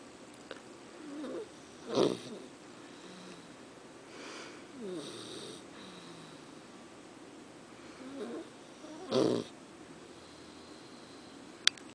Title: Snoring Puppy